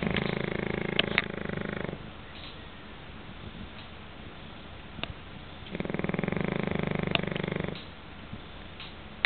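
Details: Pekingese dog snoring: two long, rough, rattling snores a few seconds apart with quiet breathing between, in a quiet room.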